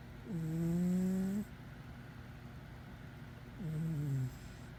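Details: Pet cat snoring while asleep.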